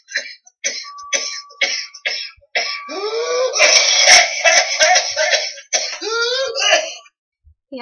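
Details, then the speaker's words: Toddler with whooping cough (pertussis): rapid run of harsh coughs followed by long, high-pitched crowing whooping inhalations, struggling to get breath; pertussis paroxysm with whoop. "so you can definitely hear that characteristic whooping inhale just really struggling to get breath"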